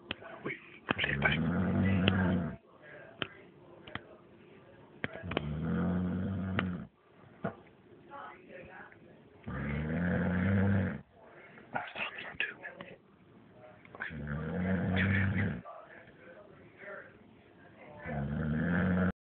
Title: Dug havin yet another snore